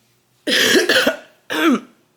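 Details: Adult woman who became sick over spring break: two harsh, rough coughs in a quiet room, the first drawn out with several bursts; cough.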